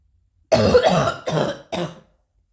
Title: new coughing